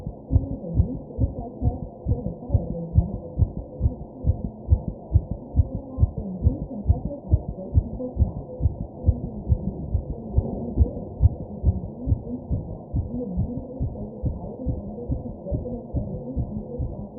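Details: Fast, regular, muffled heartbeat at about 136 beats a minute, with soft breathing swells and background noise, recorded by the person while taking deep breaths; tachycardia.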